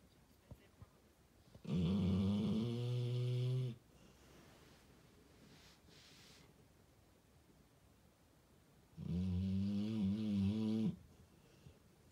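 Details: 4-year-old male American Staffordshire Terrier/Pitbull asleep in a bedroom, snoring loudly: two long, deep, rumbling snores separated by quiet breathing out.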